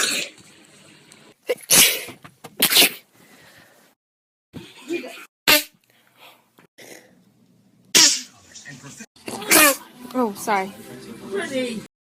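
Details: Compilation of one person's sneezes recorded over two years: a string of sharp, explosive sneezes, several in quick succession, with brief voiced sounds between; sneezing.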